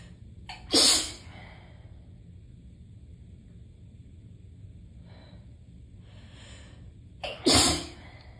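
Two loud explosive sneezes, each preceded by a quick inward breath, with quiet between them; repeated sneezing.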